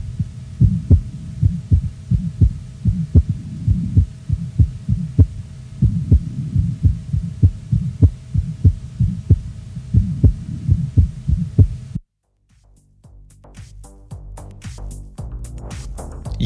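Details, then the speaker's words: Still's murmur, a common functional ejection murmur in preschool children from flow across the aortic valve, best heard left parasternal at mid-to-lower sternum: regular heartbeat with a soft, low-frequency, musical humming murmur like a vibrating taut cord. "этот шум тихий и низкочастотный имеет музыкальный оттенок сходный со звуком дрожащего натянутого шнура"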